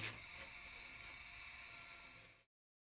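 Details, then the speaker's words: Surgical burr on bone during anterior-approach ankle arthrodesis, correcting tibiotalar alignment and roughening subchondral bone: quiet, steady high-pitched whirring for about two and a half seconds. "at this stage a burr is used to correct any deformity and Alignment in the tibio tailor joint and roughen the subchondral"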